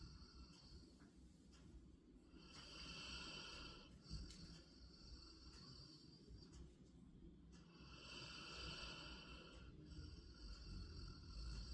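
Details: A sleeping Labrador dog snores with raspy, hissing snores roughly every five to six seconds over a low, steady room rumble, giving ordinary snoring.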